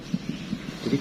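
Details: Koken LM-043N maternity training simulator: rapid, regular soft thumps imitating a normal fetal heartbeat, roughly 140 to 150 a minute.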